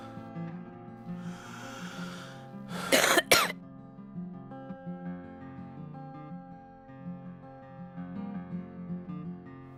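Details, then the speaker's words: Child doing chest physiotherapy airway-clearance exercises after huffing, gives a big, deep, strong cough on request. "can you have a big deep cough for me big strong"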